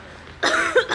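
After a moment of quiet room noise, one short, slightly voiced cough or throat clearing is heard: a single dry cough.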